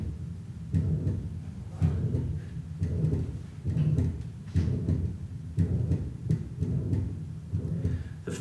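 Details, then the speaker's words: Teaching recording of a patient with moderate non-rheumatic mitral regurgitation: heart sounds near 60 a minute, soft first heart sound immediately followed by a loud, harsh systolic murmur. "you will now hear the heart sounds and murmurs of a patient with moderate non-rheumatic mitral regurgitation"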